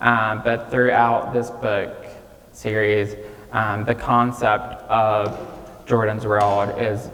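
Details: 26-year-old man with childhood apraxia of speech, nonspeaking until age 5 and diagnosed at age 5, treated with speech therapy five times a week; he says it may take him more time to say what he wants; childhood apraxia of speech.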